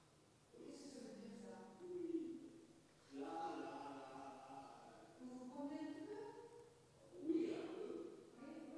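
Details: Very severe Broca's aphasia in a male patient with agrammatism and massive expressive difficulty; he can still say yes and no and sometimes repeat a sentence fragment just said to him. Finding: Broca's aphasia (agrammatism).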